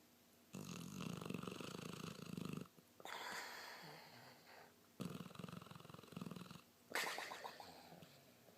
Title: Pit bull Snores, Mocha